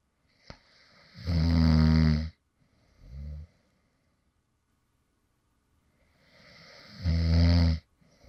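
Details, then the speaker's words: Light snoring from a man who fell asleep while recording: two loud, rumbling inhaled snores with a quieter snort between, in a quiet room. "deo, and this is actually some light snoring sounds from me when I actually fell asleep in the middle of recording a previous video."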